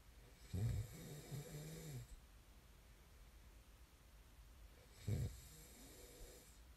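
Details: Two deep, rumbling snores on breathing in, about four seconds apart, over faint room hiss; ordinary snoring during sleep, from an ASMR snoring recording.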